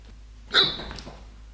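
A single abrupt, gulping vocal catch with a sharp onset and short fading tail against quiet background; an acted hiccup.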